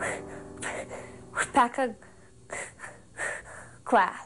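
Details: 17-year-old girl who has stuttered since second grade; stuttering.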